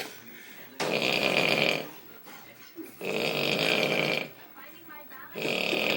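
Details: Loud, harsh, rattling heavy snoring in repeated long bursts, about one every two seconds, with rough vibration through each breath.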